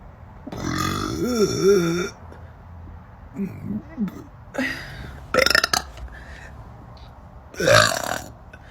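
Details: Several loud, drawn-out, voiced belches, some with rising and falling pitch and quieter sounds between; repeated burping.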